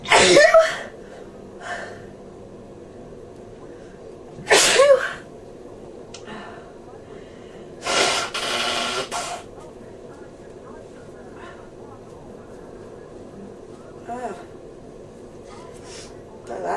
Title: In bed cold sneezing